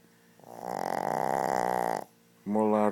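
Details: Shih Tzu dog snoring very loudly: one long, loud, buzzing, fluttering breath sound typical of a small flat-faced dog snoring, followed by a brief voice.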